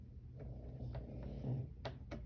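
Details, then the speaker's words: Snoring from a sleeping pug dog: a low, steady rumbling snore with a couple of brief room clicks near the end. "you hear my pug snoring in the background I must be boring him"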